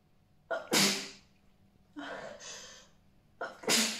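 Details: Two sharp, deliberate sneezes aimed onto a CD, each with a quick inhaled lead-in and separated by a softer breathy exhalation.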